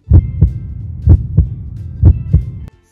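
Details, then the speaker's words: Adult physician listening to their own heart through an acoustic stethoscope: steady normal lub-dub heart sounds at about 62 beats per minute, with normal first and second heart sounds. "maybe i'll listen to my own heart whoa okay let's take a listen whoa i can hear it can you hear it too it sounds like this wow that's really cool so the heart makes sounds by squishing"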